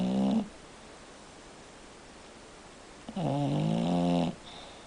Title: Kona snoring